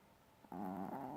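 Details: Teacup Maltese dog snoring loudly in deep sleep, said to snore like a human all night: a brief buzzing, vibrating breath sound after a quiet moment.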